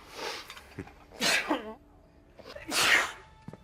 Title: Celebrities sneezing